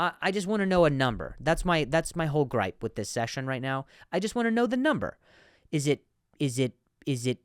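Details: Stuttering with part-word and word repetitions in an adult male comedian and podcast host.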